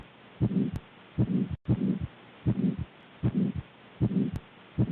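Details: Regular paired lub-dub heart sounds at about 77 beats a minute, first and second heart sounds clearly heard on cardiac auscultation: normal heart sounds.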